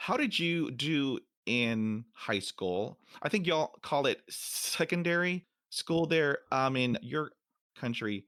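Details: Man almost 50 who stutters, including when alone; stuttering.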